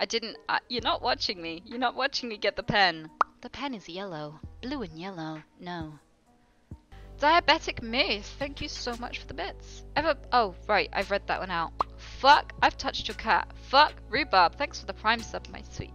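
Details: Live-streaming woman who says she has Tourette syndrome, also reporting motor tics and brief suppression: involuntary vocal tics, interjected obscene or nonsensical words and phrases, some bleeped.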